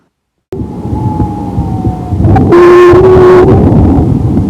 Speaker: Los estertores silbantes se escuchan cuando los bronquios de pequeño calibre se encuentran obstruidos y se distinguen por su tonalidad aguda.